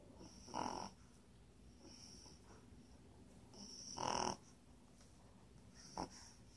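Soft, irregular snorting breaths with a faint hiss in a quiet room, a small animal snoring in sleep.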